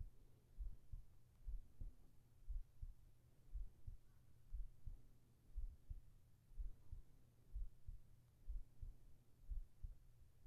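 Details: ASMR heart sounds for sleeping, recorded with a whispered voice: soft, steady lub-dub heartbeat at about 60 beats a minute with faint background hum, a normal heartbeat.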